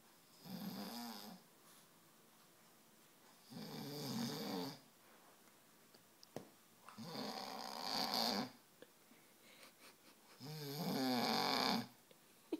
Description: King John Snore woke the sleeping beauty cat, Sasha.